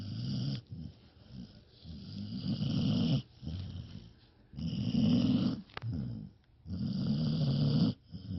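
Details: Snoring from Ruger.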